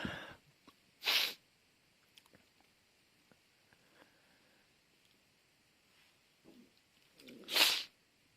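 Two sharp, hissing sneeze bursts several seconds apart, with a quiet room between them: repeated sneezing.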